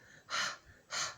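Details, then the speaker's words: Two sharp, noisy breaths drawn in quickly, an imitated gasp like those at the end of hard crying, demonstrated in an English lesson on body sounds: gasping. "this okay so this sound is called as gasping"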